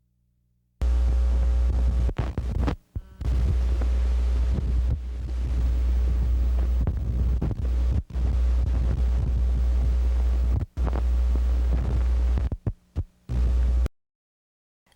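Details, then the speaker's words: Needle EMG speaker giving a steady, loud, low electrical hum: 60 Hz artifact, the most common EMG artifact, mainly from the electrodes through poor skin contact or an electrode defect. "The most common artifact is 60 Hz artifact. The major source of 60 Hz artifacts is the electrodes themselves, usually due to poor contact with skin or electrode defect."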